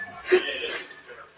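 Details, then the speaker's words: Single abrupt adult sneeze during an allergy flare: a sharp intake then forceful hissing burst; the person says they usually sneeze seven times in a row. "I sneeze 7 times in a row, almost every time. That's like, and it doesn't even sound like a regular sneeze. It sounds like my face is exploding."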